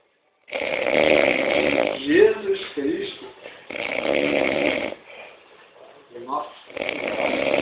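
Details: Man referred to as "padre" snoring in sleep: loud, harsh, rattling inhaled snores in long bursts with quieter exhales between, typical heavy adult snoring.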